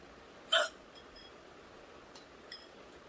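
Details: Woman hiccuping: a single sharp hiccup in a quiet room, with a faint second catch afterward.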